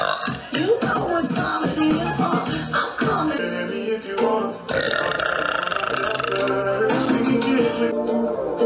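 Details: A girl burping in a TikTok burp compilation: loud, drawn-out voiced belches over background music, with repeated burping.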